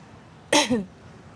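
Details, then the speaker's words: Adult with a cold and a hoarse, breaking voice, recorded while talking outdoors: a single abrupt, voiced burst, a sneeze or cough. "আমার গলাটা একটু ভেঙ্গে গেছে। গলার voice মাঝে মাঝে পাল্টে যাচ্ছে। ঠান্ডা লেগেছে।"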